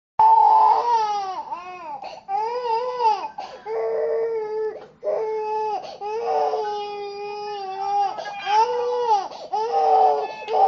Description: my little cousin crying she is so cute